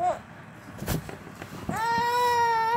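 A baby's fussing builds into a sustained, steady wail over faint background noise; ordinary infant crying.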